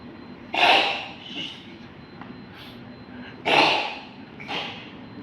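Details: A cat coughs with two sharp, harsh expiratory bursts and fainter follow-up huffs; the owner suspects poisoning from eating carelessly.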